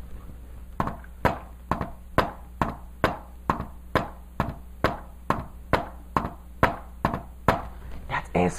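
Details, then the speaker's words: Teaching demonstration of a fourth heart sound (S4) just before S1, giving a cadence like "Ten-nes-see": S4, S1, S2; fourth heart sound (S4). "Because it sounds like Tennessee, Tennessee, Tennessee, Tennessee. S4, S4, S1, S2."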